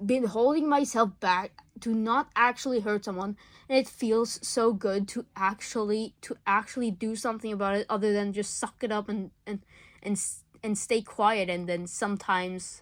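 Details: School-age speaker who says they stutter a lot; stuttering.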